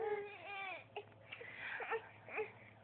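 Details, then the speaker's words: 6-month-old baby girl, tired during tummy time, sucking her thumb: fussy, whimpering cry with drawn-out wails and short sobbing catches, a tired, unsettled cry. "what what matter oh no oh you're so sad oh man oh no baby girl what the matter what's the matter k me oh no you make such sad faces"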